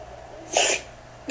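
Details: Single short, sharp burst of air through the nose over steady background noise, filmed in slow motion: a dog's sneeze.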